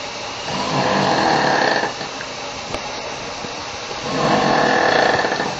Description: A video of some very loud snoring.